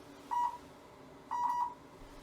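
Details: Two clear electronic beeps about a second apart, the second longer, over faint room noise from a low-level laser therapy unit during treatment of a patient's lumbar area for low back pain.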